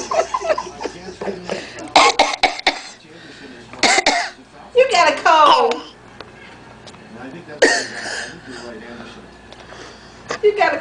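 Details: 6-month-old infant girl coughing: several short, harsh cough bursts separated by quiet breathing and small vocal sounds.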